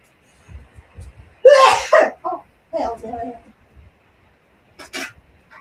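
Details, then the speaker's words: Person relaxing in the backyard announces a sneeze, then a quick inward breath and one loud, bursting sneeze with a few short sounds afterwards; an ordinary single sneeze. "I just couldn't hear that hook there. I'm gonna sneeze."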